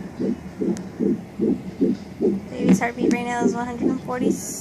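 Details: Fetal heartbeat at 13 weeks of pregnancy on a home fetal Doppler: rapid, regular whooshing pulses about 146 beats a minute, with the mother's own heartbeat also audible.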